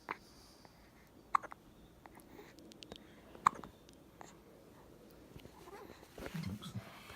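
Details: 2-month-old infant who gets hiccups whenever laughing out loud: sharp, sudden, irregularly spaced catching sounds, with soft vocal sounds near the end.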